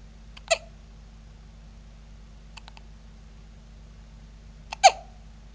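Two sharp, short voiced catches about four seconds apart, with a faint click between: hiccups.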